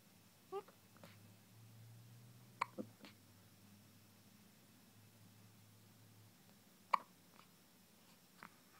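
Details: Newborn hours after birth, first hiccups: soft, brief hiccup clicks, irregularly spaced, over a quiet room hum; normal newborn hiccups.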